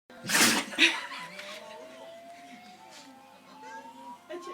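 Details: Dalmatian puppy sneezing after sniffing up paint from a painted stone: two sharp, explosive sneezes followed by quieter sniffing.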